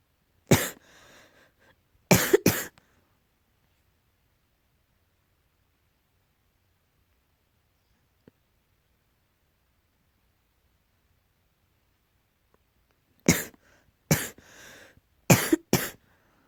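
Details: Coughing, tagged as allergy: two bouts of short, dry, harsh coughs, about seven in all, separated by a long quiet gap.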